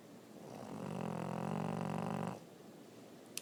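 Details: French Bulldog snoring: a single drawn-out, low, fluttering rumble on one breath, lasting under two seconds.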